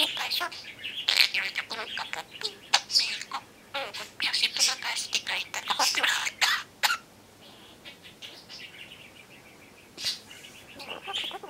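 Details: Pet budgerigar chatters and sings its usual song, then imitates a human cough with a short harsh burst; learned mimicry, not illness.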